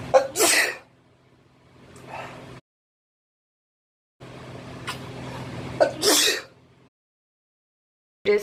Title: girls and boys sneezing 🤧